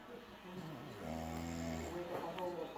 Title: Fighter airplane snore